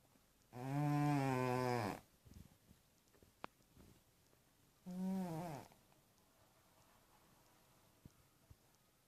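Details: Small sleeping cat: two drawn-out, buzzy, tonal snores separated by a quiet pause; snoring.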